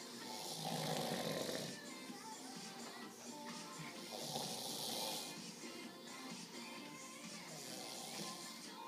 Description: Snoring his face off